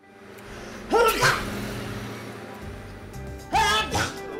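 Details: Sneezes in an allergy clinic commercial: two loud sneezes, each preceded by a sharp intake of breath, over background music.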